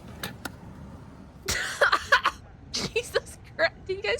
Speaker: I was trying to talk and sneeze at the same time and then I didn't know what to do and then I fumbled my sneeze.